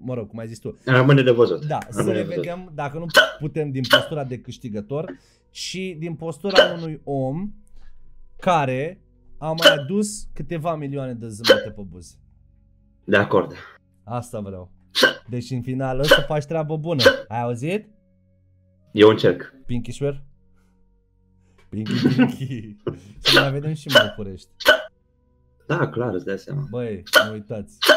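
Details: Adult man speaking Romanian, likely in conversation; normal speech.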